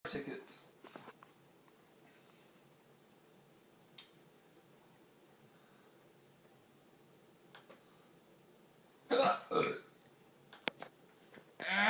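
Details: Burping in a person who also has hiccups and complains of chest pain: a few loud, throaty bursts with brief sharp sounds between them against quiet room noise.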